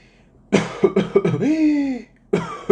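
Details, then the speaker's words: Imitated whooping cough in a cough-semiology lesson: a rapid run of four coughs followed by a long, rising, high-pitched inspiratory whoop; whooping cough (pertussis). "Okay, de esta manera nosotros ya vemos que este es la tos ferina o quintosa."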